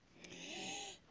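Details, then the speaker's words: Adult crafter's own wheeze while narrating, noting she has been coughing and throat-clearing: a single drawn-out breath with a high, whistling musical tone. "as I was saying about these sick cutting out the coughs but the wheezes I'm not gonna be able to cut out I apologize I'm sorry"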